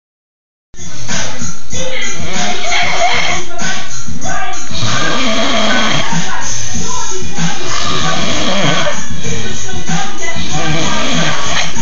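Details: An adult man, very tired after work, snores while asleep: loud, low, rumbling snoring with a rough, fluttering quality that carries on almost without pause.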